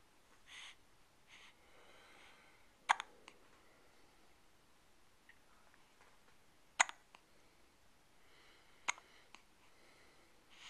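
Three sharp, abrupt hiccup clicks at irregular intervals of a few seconds in a quiet room. Ordinary hiccups.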